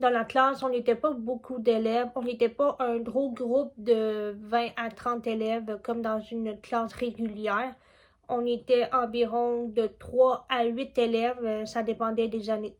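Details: Deaf speech in a young French-speaking woman, deaf since childhood from a genetic condition and still hard of hearing with a cochlear implant; she had oral training from age 4 and speech therapy from ages 2½ to 12.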